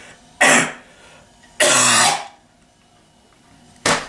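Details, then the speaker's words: Three harsh dry coughs, one drawn out, with quiet gaps, from a patient sick for three weeks whose cough is worst lying in bed at night, violent to the point of choking; habit cough. "if i lie in that bed for a good 35 minutes i will cough non-stop very violently and to the point where i'm coughing so much that i start choking on my own coughs that's how bad this cough thing is"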